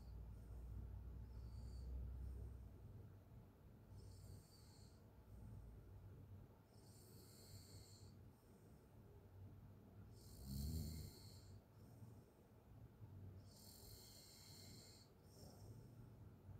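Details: Open-mouth snoring from a sleeping person: quiet, repeated rasping breaths in a recurring rhythm with a louder snort midway; snoring sound.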